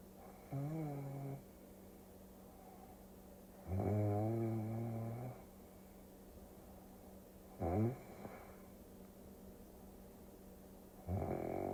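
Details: Loud, rattling snores about every three to four seconds, some long, some brief, over a steady low hum, presented as sleep-aid ASMR: snoring.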